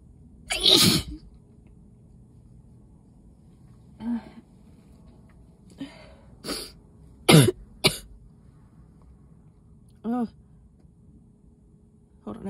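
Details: About six explosive sneezes in quick succession with quiet gasps between, in a person who is ill and was exposed to dust packing Christmas decorations, pulled over in a car; sneezing fit.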